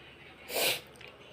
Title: more induced sneezing.